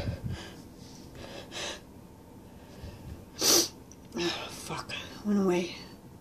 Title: Stuffy sneezes n sniffles